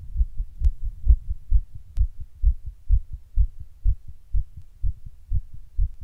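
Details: Own heart recorded while sitting in 100 degree heat during a heatwave: rapid, regular, dull thumps at roughly 130 a minute; tachycardia.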